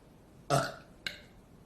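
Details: Girl burping after drinking very fizzy club soda: a long belch followed by a short one, in a quiet room.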